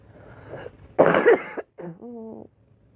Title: Girl coughing 190